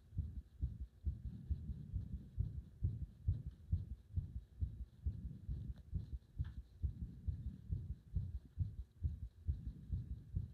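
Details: Rapid, regular low heart thumps at about 136 a minute, recorded as the heart nearly stops under compression; the near-arrest moment cannot be picked out in this stretch.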